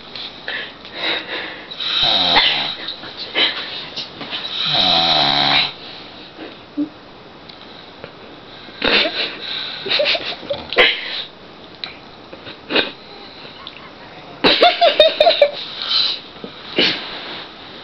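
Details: Adult man (a dad who doesn't believe he snores) recorded snoring in a quiet room: irregular rough, rattling breaths with pauses between them.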